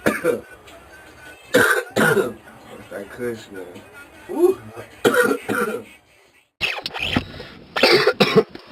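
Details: Adult giving three pairs of harsh, explosive coughs separated by quieter breathy sounds, faint music in background; repeated coughing.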